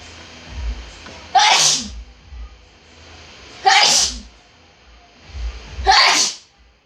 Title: Loud Sneezes Philippines.